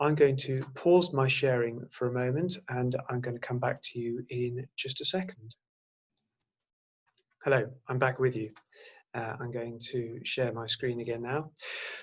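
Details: Adult male lecturer; Normal speech.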